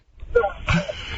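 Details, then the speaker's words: An adult woman gives two short, harsh, voiced cough-like bursts while choking on her saliva, not from an illness. ">> It sounds like you have a bad cough. >> Uh, but I was just choking on my spit."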